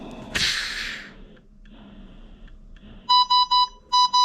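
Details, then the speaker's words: ResMed Astral 150 transport ventilator (dual-limb circuit) alarm test: after a click, loud repeated high-pitched beeps in bursts as alarm volume is turned up high from default level 3; ventilator alarm. "and then you can change your um volume so to make it super high or super low we can unlock that as we hold let's see if it'll how loud it"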